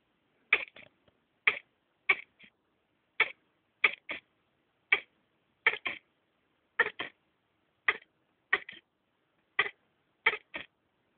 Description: My poor hedgehog coughing :(